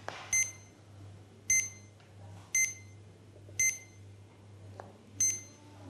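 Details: Legacy PCA morphine pump for acute pain: five short high-pitched electronic beeps at about one-second intervals as the start/stop key is held to stop the infusion.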